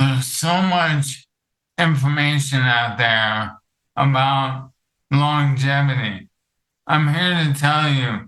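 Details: Dysarthria from ALS in an adult male, with the disease affecting his vocal cords and making it difficult for him to talk for long periods.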